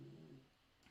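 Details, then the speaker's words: Snoring from a sleeping seven-month-old, described in the clip as a puppy, who recently recovered from a tummy upset: soft, low, rumbling breaths that fade out in a quiet room. "how is moira doing this morning as you can hear she is snoring she's sleeping"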